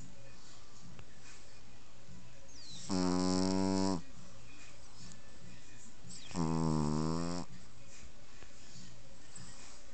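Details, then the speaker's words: A sleeping "little baby" (female) snoring with her eyes open: two loud, buzzy, vibrating snores about three seconds apart over steady low room noise; snoring. "little baby snoring they snoring she sleeping she got her eyes wide open snoring"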